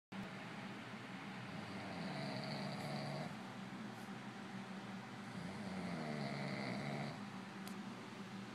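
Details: Man snoring: two long, steady rumbling breaths with a brief pause between them, over constant background noise.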